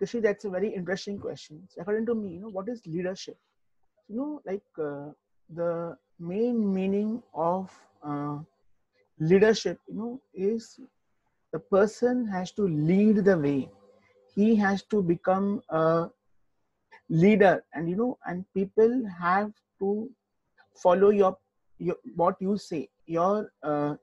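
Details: Adult man who stammers, speaking in an interview; stuttering.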